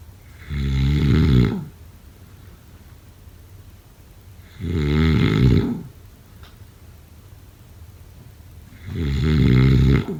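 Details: Loud, low, rattling snores on each breath in, about 14 a minute, with quiet pauses between.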